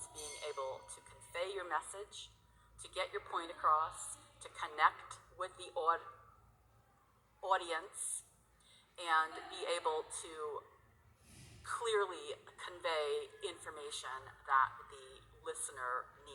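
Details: Woman who stutters, open about it at work; she says her disfluencies vary from day to day. Finding: stuttering.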